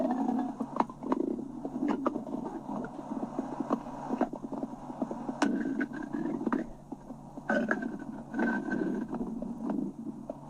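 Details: Stomach growling (borborygmi): low, irregular gurgles, rumbles and bubbling pops that come and go over quiet background noise.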